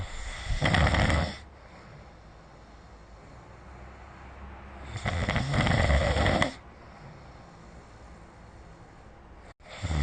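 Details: Snoring during sleep recorded with the SnoreLab phone app: two loud, rough snoring breaths about five seconds apart with quiet breathing between, about 12 breaths a minute.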